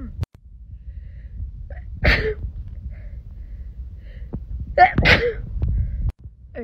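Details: Sneezing during a self-administered COVID-19 PCR nasal swab test in a girl: two forceful sneezes, each preceded by a sharp in-breath, provoked by swab irritation of the nose.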